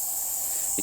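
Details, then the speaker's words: Woman given salbutamol nebulizer by mask by paramedic; wheezing in both lungs, worse on left: steady high-pitched nebulizer hiss, brief voice at end. "the nebulizer and mask means a quick acting drug will vaporize oxygen directly into her lungs"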